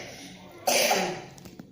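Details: A single loud, harsh cough from a 4.5-year-old child in a quiet room, followed by soft breathy sounds.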